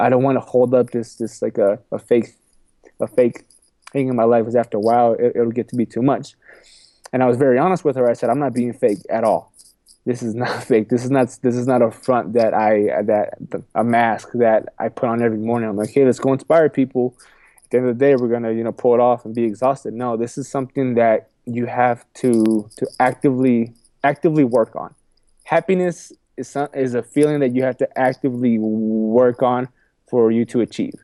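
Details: Adult man who says he has a stuttering problem and has accepted it; stuttering.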